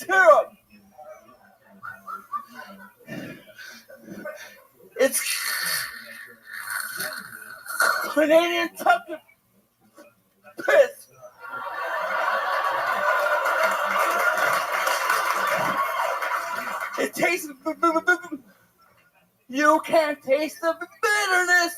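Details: Adult male comedian performing stand-up, whose stutter the host called especially thick that night; stuttering.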